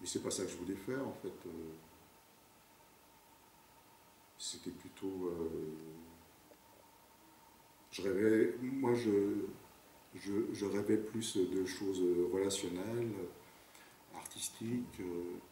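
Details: French-speaking working adult who stutters, in a real testimony about stuttering and the workplace; the transcript shows repetitions of 'je' and broken phrasing; stuttering.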